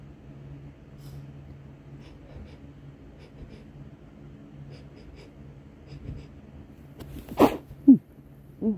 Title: 3 hitchy muffled sneezes